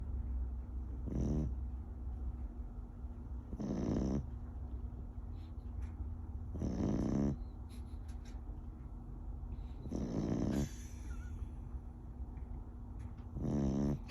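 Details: Beagle (rescue dog) asleep, snoring with regular rumbling inward breaths, about five in fourteen seconds, over a steady background hum.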